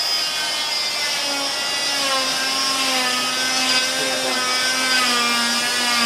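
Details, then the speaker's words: Oscillating cast saw with suction cutting a thin fiberglass total contact leg cast along lateral and anterior clamshell lines, started gently; high whining motor with shifting pitch and grinding buzz as it cuts. "So with our suction on, and with our cast on, basically you find a point lateral and anterior, and you start your process, and it's gentle. Let the blade do the work."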